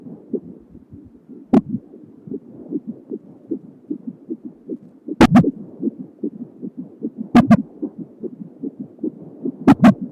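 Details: Home Doppler at 31 weeks of pregnancy, baby girl with hiccups and kicks: fast, soft whooshing fetal heartbeat broken by a few sharp loud bumps from movement or hiccups.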